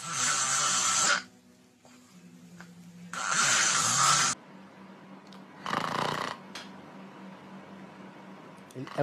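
Three rough, rattling snores come at an even pace with quiet breathing between and no pauses or gasps. This is simple, normal snoring.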